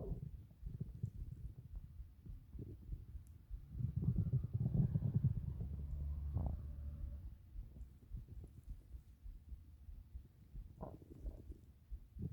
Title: 8 minutes of stomach growls